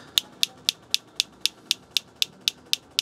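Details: Sharp, regular high-pitched clicks about twice a second from a focused shockwave therapy device firing at gradually increasing pressure on a patient's heel near a swollen Achilles area, treating heel pain/plantar fasciitis.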